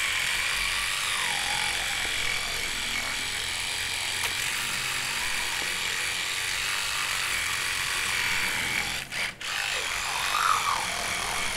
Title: Electric Toothbrush Teeth Brushing Sound | ASMR Dental Care White Noise